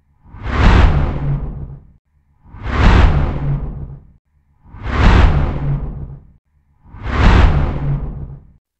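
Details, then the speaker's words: Simulated pulsatile tinnitus: four slow, rhythmic low whooshing swells, the pulse-synchronous whooshing or thumping heard in the ears. "this condition is usually caused by abnormal blood flow near the ears changes in the ear itself or systemic conditions that affect the vascular system individuals with pulsatile tinitus May describe hearing sounds like whooshing thumping or humming which are typically synchronous with their"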